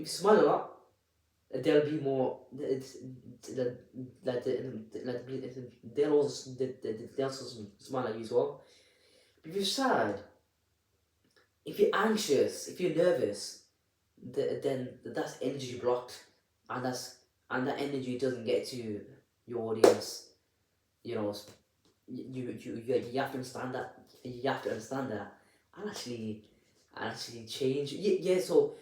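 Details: Adult with a stammer (stuttering) speaking unedited, with audible repetitions of words and syllables; stuttering.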